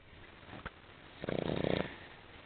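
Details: A brief sniff, then a single rattling, vibrating snore on an in-breath from a sleeping female dog.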